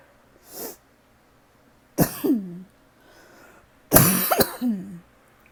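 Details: Person with a persistent tickle, coughing all night: dry cough.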